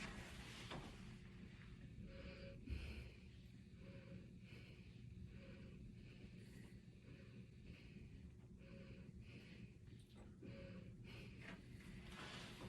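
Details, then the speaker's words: Head-to-toe assessment demonstration, stethoscope auscultation of the back (posterior chest, top to bottom) over clothing during breaths: soft even breaths with faint device hum; clear normal vesicular breath sounds, no adventitious sounds. "the breast sounds are clear with no adventitious sounds present"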